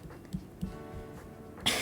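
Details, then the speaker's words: Streamer who says they are mildly sick with a sore-sounding throat: one short, sharp cough near the end over quiet background music, after a couple of soft throaty thumps. "so so I I want to say that if I sound a bit off today or if my if my throat sounds bad and you hear that I keep coughing I am sick kind of sick"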